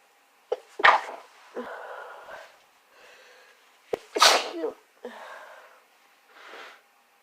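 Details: Two sharp sneezes, each with a quick inward breath before and a sniffly exhale after, in a sneezing fit with a progressing cold, sore nose and throat, chapped nose, minimal coughing.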